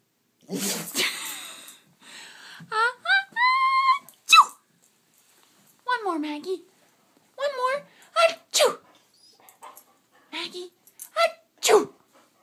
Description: English Setter dog (Maggie) mimics sneezes